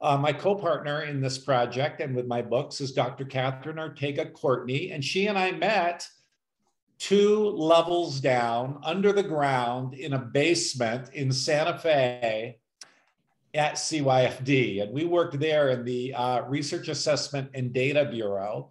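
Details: Adult speaker; normal speech.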